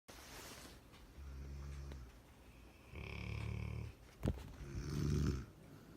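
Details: Labrador dog and a woman snoring together while asleep: several low, rattling snores of varying loudness, about one every one to two seconds, with a brief snort between; snoring.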